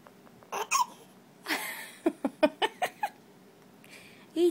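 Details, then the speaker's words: Young boy with hiccups after eating chocolate ice cream: a run of about six short, sharp voiced catches in quick succession, with a few soft vocal sounds around them. "look at mama look at the hicups from chocolate ice cream"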